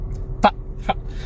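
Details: Adult male with Tourette syndrome makes two sudden, brief throat noises about half a second apart while talking, consistent with simple vocal tics.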